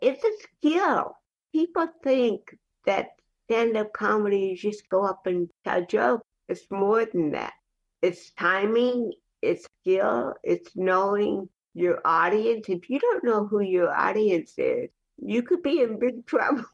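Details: Adult woman, a professional actress and comedian, with cerebral palsy, speaking in a podcast interview; dysarthric speech in cerebral palsy.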